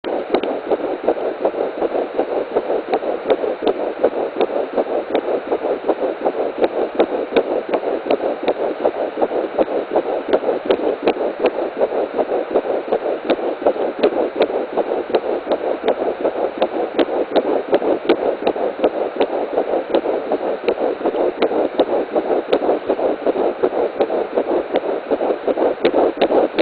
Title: Fetal heartbeat 10 weeks 5 days